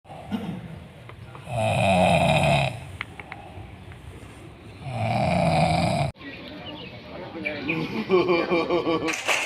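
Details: Person dozing off and snoring while sitting on a motorbike: two loud, rough inhaled snores about three and a half seconds apart, then background noise and voices.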